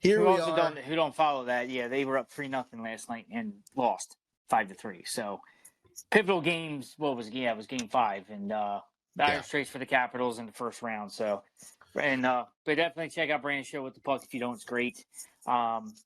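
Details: Adult male speaker; normal speech.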